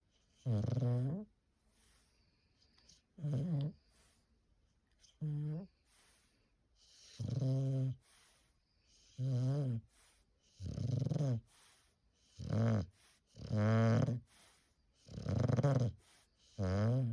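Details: Sleeping bulldog snoring: nine loud, rhythmic rattling snores, about 32 a minute, with quiet pauses between.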